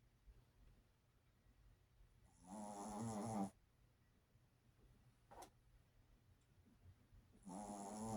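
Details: Ordinary snoring: two long, buzzy, rattling inhaled snores with a quiet pause between them, in a quiet room.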